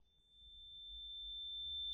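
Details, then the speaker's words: Simulated steady, piercing high-pitched tone imitating high-pitch tinnitus, a constant phantom ringing heard 24/7 in both ears. "Yes, I do hear this sound for 247. If you are also struggling with tinitus, stay until the end because I'm going to explain why we are hearing this sound."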